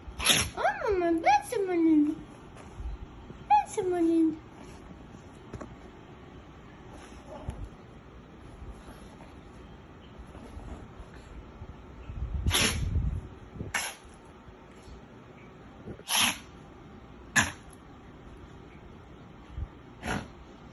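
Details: A small dog digging makes several short, sharp nasal bursts of repeated sneezing, amid faint rustling and brief high whines.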